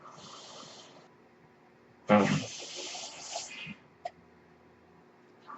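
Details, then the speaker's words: Steady background noise of the speaker's own mechanical ventilator, heard while he talks on his podcast. "That noise you hear is my ventilator."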